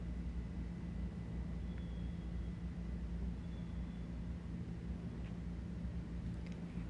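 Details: Steady low rumble through a stethoscope diaphragm over the abdominal aorta of a healthy patient, with no whooshing bruit; normal aortic auscultation.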